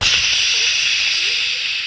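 A steady, loud, breathy hiss with faint whistling tones, a vocal imitation of a CPAP mask blowing air during sleep.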